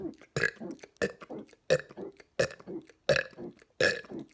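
Six loud, evenly spaced burps in quick succession, each a throaty rumbling release of swallowed air.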